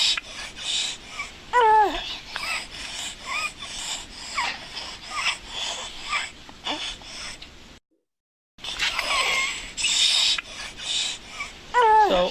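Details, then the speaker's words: Child with rapid, noisy breathing and harsh, high-pitched musical breath sounds, played in an ENT lecture as an example of true stridor. "I ask what are you hearing and this actually is a true Strider a sound so this is Strider"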